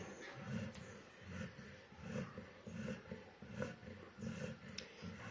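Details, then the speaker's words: Dog sleeping deeply at 3 pm after eating rice, not waking even when tapped: deep, rumbling snores repeating steadily with each breath. "ഇത് നമ്മുടെ Bruno ആണ് കേട്ടോ Bruno കൂർക്കം വലിച്ച് കിടക്കുന്നത് അതും പട്ട പകൽ സമയം"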